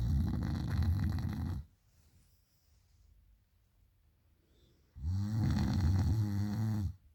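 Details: Female sleeper snoring loudly at night: two long, loud, low rumbling snores with a quiet pause between them; heavy snoring.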